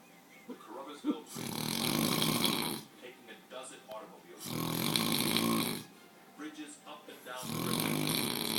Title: snoring it up